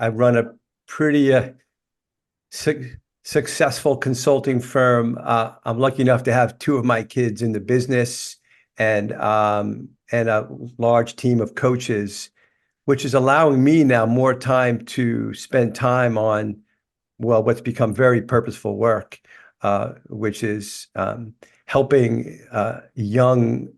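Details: 61-year-old man with lifelong stuttering that began in childhood, which he describes as a neurological disorder that is managed but not cured; he switches words to avoid stuttering; stuttering.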